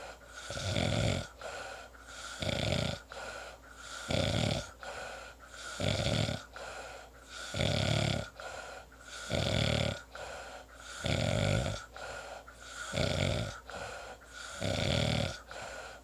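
Loud, regular rattling snores on each breath in, about 17 breaths a minute, with quieter breaths out between them. Typical snoring.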